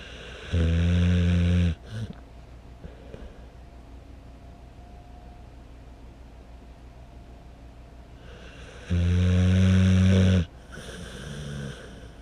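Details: Two loud, deep, droning snores about eight seconds apart, each lasting over a second, with quiet breathing between; heavy snoring.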